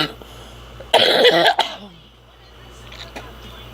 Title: Bbw smoking coughing drinking some soda